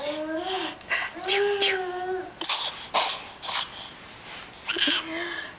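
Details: Young child (Brody) babbles, then gives several short, sharp fake sneezes, a deliberate imitation rather than real sneezing.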